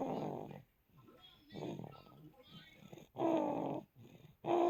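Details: Baby boy less than a month old snoring while sleeping on his mother's chest: irregular rough, rattling breath sounds, louder buzzing breaths near the end; gentler than adult snoring.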